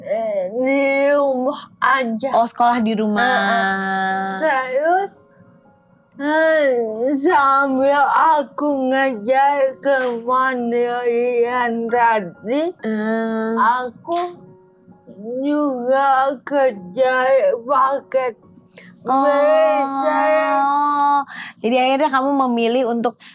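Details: Adult woman with cerebral palsy, with gross and fine motor limitations; dysarthria (cerebral palsy).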